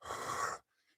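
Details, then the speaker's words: A single short breathy 'h' huff, a gentle huffing throat clear that a singing voice teacher demonstrates in place of a hard, irritating throat clear, on an ENT doctor's advice. "So uh for throat clearing um the the huffing cough rather than the hard cough."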